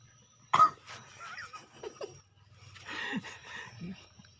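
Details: Chicken with severe snot (coryza) and thick mucus: a sharp cough-like burst followed by wet, rattling, snore-like breathing; rattling respiratory noise and cough in infectious coryza.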